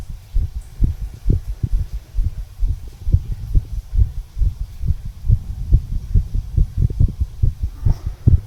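Regular low thumping heartbeat heard at the lower left chest border, with steady lub-dub beats and no obvious extra sounds; normal heart sounds.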